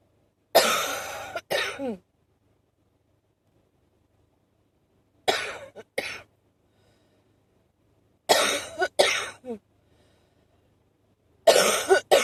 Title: #71 a short wheezy alergic cough